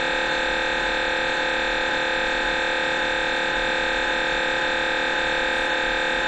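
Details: Brain MRI recorded inside the scan room: loud continuous electronic buzzing tone with fast steady pulsing, about 130 a minute, MRI scanner noise during imaging.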